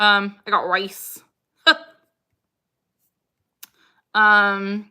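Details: Vocal tics in a woman with Tourette syndrome during a livestream, including a recurring phrase tic and "huh"; she also has motor tics such as hard or rapid blinking and facial grimacing.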